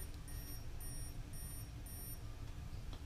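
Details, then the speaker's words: Continuous glucose monitor alarm (Medtronic Enlite and Dexcom G5 worn together): repeated high-pitched beeps in short bursts after it demanded a meter BG calibration, then showed sensor error. "And I drove home from the grocery store, which is not very far at all. And it's beeping again."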